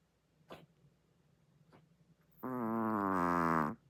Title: The world’s loudest snoring chihuahua, also sleeps w/eyes open. #funny #love #chihuahua #dog #pets